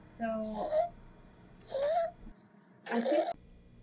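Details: Stridor in a child: three harsh, high-pitched noisy breaths from upper airway obstruction.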